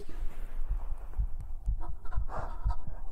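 Regular low thumps through a chest microphone, about 120 a minute, a little fast; a normal heartbeat.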